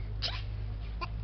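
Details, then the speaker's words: Infant with hiccups: two brief, sharp catching sounds about a second apart over a steady low hum, shortly after spitting up. "Ai, tá com soluço? Vai, Tá com amor. soluço. Vai. Ele tá com soluço, Lili."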